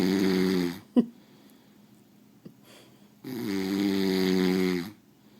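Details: Snoring during sleep, recorded on iPhone: two long, loud, buzzing snores separated by a quiet pause with a couple of faint clicks.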